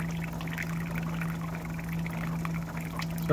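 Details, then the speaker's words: Steady low hum with a soft trickle of fluid as a home hemodialysis machine dispenses a couple of ounces of dialysate into a cup during setup before a chloramine test strip check. "so right now it's dispensing dialysate look i'm just gonna put a little bit in this cup"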